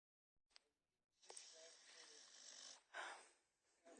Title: Snoring pitbull